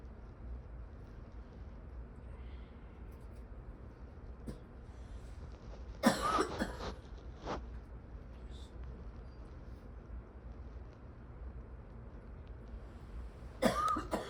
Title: Her old lady cough